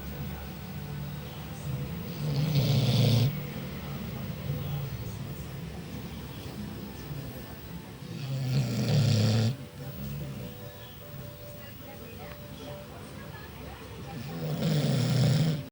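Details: Sleeping dog: loud, low rattling snores on each breath, about 10 a minute, with quieter breathing between them.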